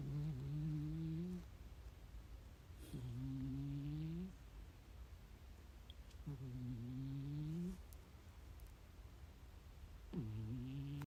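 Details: A sleeping cat snoring: four low, buzzing, slightly rising tones about three seconds apart, roughly 20 breaths a minute, over quiet room noise.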